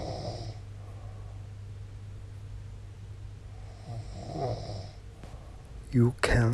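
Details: Adult man's habitual snoring during sleep, for which he tapes his mouth shut with masking tape at night: low rumbling snores on each breath over steady room noise, ending in a couple of louder snorts; snoring.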